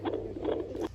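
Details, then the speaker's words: Handheld Doppler probe moved over gel on the abdomen of a pregnant mother (pregnancy beyond 12 weeks); fast galloping-horse whooshing rhythm, counted at 140 bpm and called normal. Finding: normal fetal heartbeat on Doppler. "If you find the sound like a galloping horse, it usually fast rhythm, that is the heartbeat sound."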